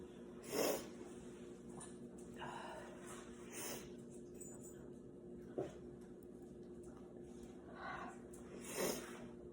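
Several short, forceful nasal bursts over a steady hum of room noise: repeated sneezes or snorts.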